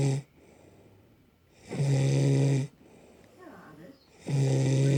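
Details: Woman snoring though she claims she doesn't: loud, deep, droning snores on each in-breath, about two in five seconds, with quiet out-breaths between.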